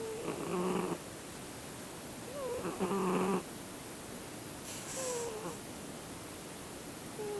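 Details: Male Siamese cat snoring while asleep.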